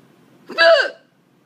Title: The cats don't care about my hiccups